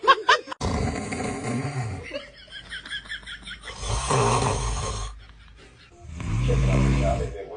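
Loud, rattling snores broken by brief vocal sounds, in a noisy room.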